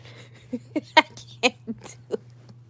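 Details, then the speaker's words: An adult imitates the baby's breathing from when the baby was two or three days old, making a series of short, snorting nasal bursts over a steady hum; noisy newborn breathing, imitated. "babies do breathe like that ever since she was a baby three days old"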